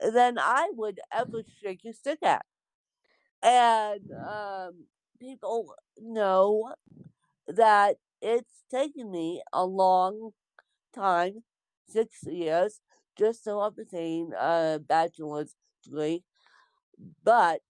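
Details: Dysarthric speech in an adult woman with congenital cerebral palsy (born with CP), real speech.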